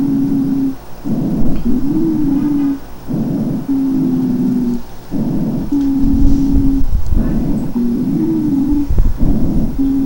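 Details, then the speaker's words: Wheezes in asthma (mucosal edema, muscle spasm, hypersecretion): predominantly expiratory, musical whistling as air is forced through spastic, much-narrowed small and medium airways. "el silbido del aire al pasar forzada a través de tubos respiratorios espásticos de tubos respiratorios de un calibre muy inferior al que normalmente tiene"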